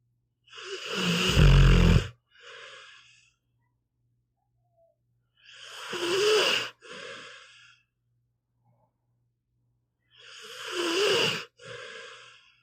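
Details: Pitbull dog asleep, audio only: harsh, snorting inward snores, each followed by a short outward puff, about 13 a minute in a quiet room; snoring.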